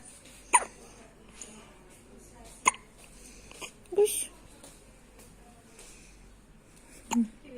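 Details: Baby boy's first hiccups: four short, sharp hiccups roughly every two seconds over soft room noise; infant hiccups.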